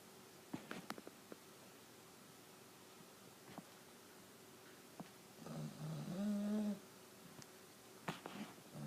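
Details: Sleeping animal snoring: a single rough, buzzing snore on an inward breath amid quiet room noise and faint clicks.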